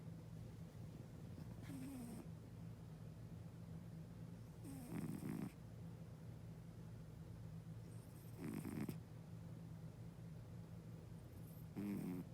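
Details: Sleeping cat snoring: soft, low snores with each breath, about 18 breaths a minute, over steady room hum; low-pitched stertor-type noisy breathing during sleep.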